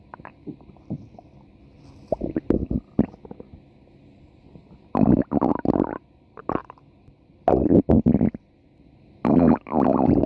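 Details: A female subject's stomach growling (borborygmi) from a 4-minute recording: irregular bursts of gurgling, rumbling bowel sounds separated by quiet gaps.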